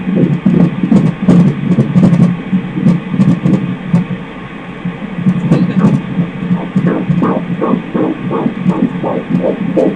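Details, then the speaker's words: Fetal heartbeat on ultrasound Doppler during a 4D scan of a male fetus: rapid whooshing pulses, roughly 150 or more a minute, with some fading mid-way; a normal fetal heartbeat. "It's gonna be a flasher. Let's listen to that heartbeat again."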